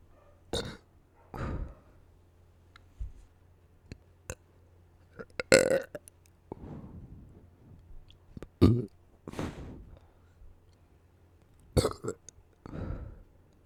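A series of about ten loud burps of varying length and pitch in a quiet room.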